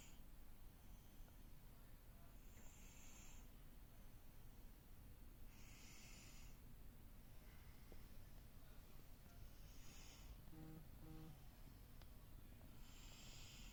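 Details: Cat napping in the afternoon, soft, regular hissing snore breaths about every three seconds over steady low background hum; quiet snoring.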